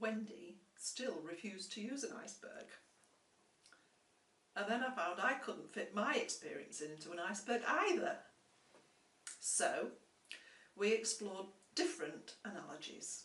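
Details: Adult speaker; typical speech.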